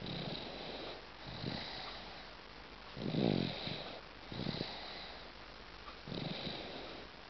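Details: 8-month-old baby: soft, rough snoring sounds with each breath, about 20 breaths a minute, over steady background hiss; snoring.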